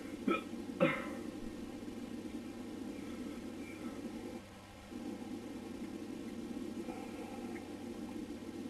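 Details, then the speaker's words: Male with hiccups recorded at 3:04 a.m.: two sharp hiccups early on, then steady room noise. "hey um I'm making this recording for everyone to listen to these hiccups of mine so let's see it's 3:04 a.m. and I can't get a real case but uh I'll do my best so here you go"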